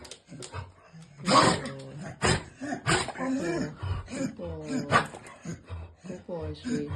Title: Sneezing & Snorting in Vizsla Juvenile Onset Laryngeal Paralysis